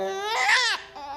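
A brief, high-pitched wailing cry from an infant, rising then breaking off, in a small quiet room: an ordinary infant cry.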